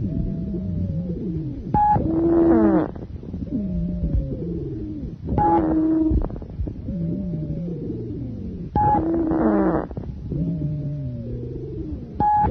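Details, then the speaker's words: Musical, whistling wheezes through each breath at about 17 breaths a minute, from a lung-sound teaching recording: high-pitched wheeze (sibilant rhonchus). "wheezes may be described as high pitched in which case they are also called sibilant rhonchi or low pitched in which case they are also called sonorous ronkai"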